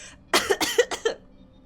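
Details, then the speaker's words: Rapid run of about five short, harsh coughs from an adult woman with a cough lasting a month; she had a lung X-ray and throat examination and says she is cured. "I've been having this cough for a month now and I had like my my my uh they took like an X-ray of my lungs."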